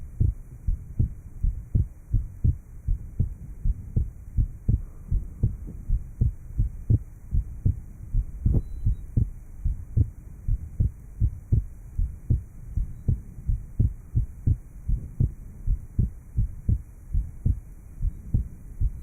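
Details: Post-operative heart sounds after inter-atrial septal defect repair, recorded in 1955 at the aortic area, pulmonic area and lower left sternal border, with EKG and respiration recordings. Finding: heart sounds after atrial septal defect repair.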